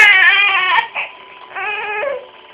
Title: Baby screams when I sneeze